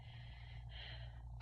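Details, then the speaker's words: Normal breath sounds heard through a stethoscope over a woman's left upper anterior chest during a focused respiratory assessment; soft airy deep breathing through the mouth over a steady low rumble; patient denies shortness of breath. "When I move my stethoscope, I just want you to go ahead and take a deep breath in and out through your mouth for me."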